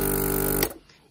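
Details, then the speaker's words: Portable suction machine used to clear tracheostomy secretions in a medically complex child, switched on to show its pressure: loud steady motor hum with a high whine, then switched off. "um but it's pretty loud i'm gonna turn it on yeah this shows you the pressure that it gets up to"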